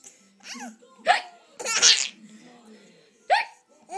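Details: Simulated (pretend) hiccups amid laughter: two clear, sudden, sharp vocal catches mixed with laughing sounds.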